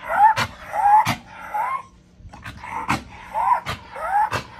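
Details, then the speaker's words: Male dog, Mouse, breathing fast and laboured, about 80 breaths per minute, with a whiny wheeze-like tone on each cycle. Owner says it sounds like an asthma attack, ongoing about 2 days while a female is in heat. "Sounds like he's having an asthma attack. It's sickening. I've been dealing with this for probably 2 days now."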